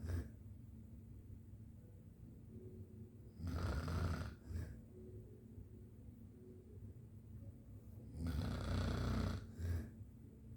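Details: Two long, low rattling snores on breathing in, each with a short follow-on puff, separated by quiet pauses; ordinary snoring.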